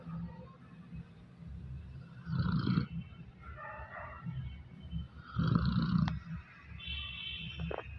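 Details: A dog snoring in its sleep on New Year's Eve: rough, low rattling snores recurring with each breath, with quieter buzzing between them.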